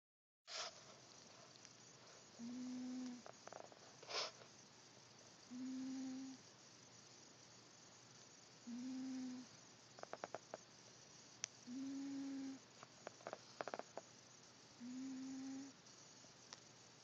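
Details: Wheezing: five steady musical whistling tones recurring at about 20 breaths a minute, a wheeze marking narrowed airways.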